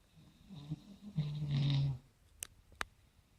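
A single low, rough, rattling snore on breathing in, followed by a couple of faint clicks in a quiet room.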